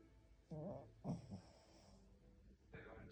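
Three low, rumbling snorts in about three seconds from a sleeping dog, typical of snoring.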